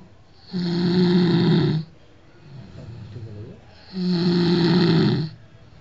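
Two long, loud, rumbling snores on inhalation with a quiet pause between, typical of heavy snoring during sleep.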